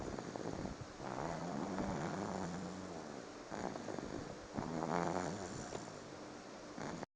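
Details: Young Prince snoring: two slow, rough, rumbling breaths with a low buzzing tone on the in-breath.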